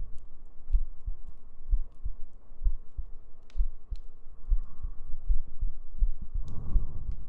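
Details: ASMR sleep-aid heartbeat: steady, soft low thumps at roughly 80 beats a minute with gentle breathing and faint humming behind; a regular, normal heartbeat.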